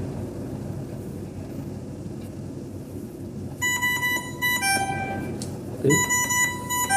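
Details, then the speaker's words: Dräger Savina 300 ventilator being switched on and entering standby mode: a rapid series of electronic beeps over steady room hum, the standby tone. "saya akan bunyi standby seperti ini"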